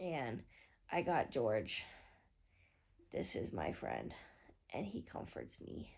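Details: Male with normokalemic periodic paralysis, recorded during a weakness episode he rates 4–5 out of 10, says his speech is slurred and talking is hard: slurred speech (dysarthria).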